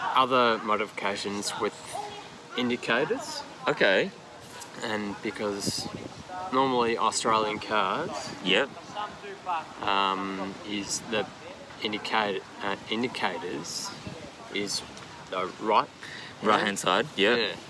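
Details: Aphasia after an AVM stroke at age 34 in a man now 39 with one-sided paralysis, initially global aphasia, now described as receptive.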